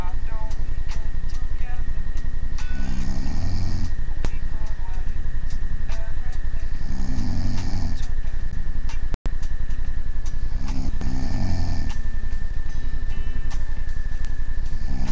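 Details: Low rasping snores during sleep, recurring about every four seconds (roughly 15 breaths a minute) over a steady background tone and ticking; snoring.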